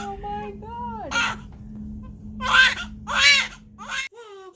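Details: Newborn girl, second daughter, crying just after hospital delivery: short, shaky cries and whimpers in bursts over a steady room hum.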